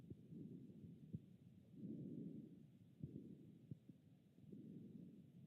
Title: CloudSteth Stethoscope record Heart and Lung sounds